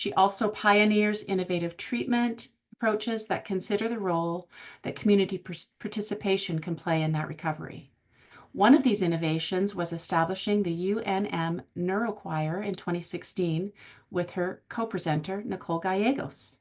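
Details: Adult woman speaking; normal fluent speech.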